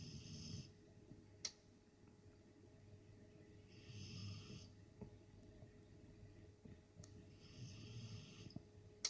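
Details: Soft, rough snoring from a sleeping dog, with faint snorts in a quiet room; ordinary sleep snoring.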